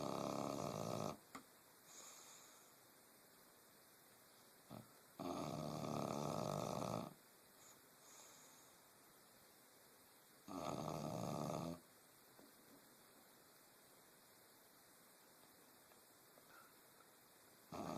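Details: Snoring while napping: three loud, rasping snores about five seconds apart, with a steady high hum in the background.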